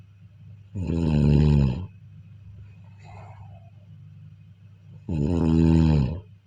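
Two loud, low, vibrating snores about four seconds apart, with a soft out-breath between them in a quiet room. Ordinary snoring in sleep.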